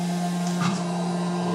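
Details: Comfort Cough Seoil Pacific SICC2001 New mechanical insufflator-exsufflator (cough assist) with filter, tubing and mask, run in manual mode with set inhale/exhale pressures and high flow: steady motor hum with brief airflow shifts between insufflation and exsufflation.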